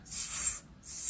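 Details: Dentalized (strident, frontal) lisp, demonstrated (imitated) by a speech-language pathologist.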